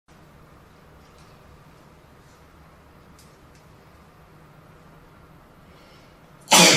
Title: sneezing (Sample)